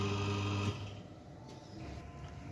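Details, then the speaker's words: Gnatus dental unit: steady low motor hum that stops abruptly, leaving quiet room noise, as the dental chair is lowered by pressing the left control. "lalu kita ingin menurunkan tekanan bagian sebelah kiri terus aku silincernya akan turun"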